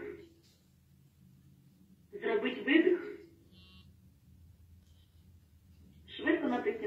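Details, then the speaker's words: Saver One automated external defibrillator (AED) training demonstration: device voice prompts instruct pressing on the patient's chest and giving two breaths, with a metronome setting the compression rate and rhythm reassessment every two minutes; AED CPR voice prompts. "Чудово, тобто він все розказує і кожні дві хвилини знову нас буде зупиняти і знову буде переоцінювати, з якою частотою, як б'ється серце пацієнта."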